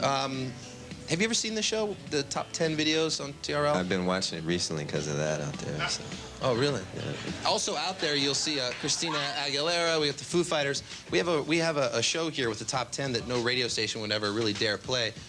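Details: Adult male speaker; ordinary speech.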